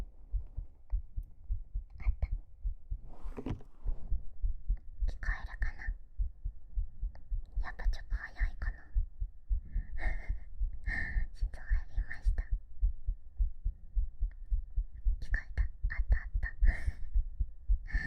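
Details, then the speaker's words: Soft, steady, slightly fast heartbeat (pulse noted as a bit quick) recorded with a 3Dio binaural microphone during a hug, under whispering; normal heart sounds. "ちょっとなくなっちゃった。ぎゅーぎゅー。ちょっと脈早いよね。ちょっと早いね。"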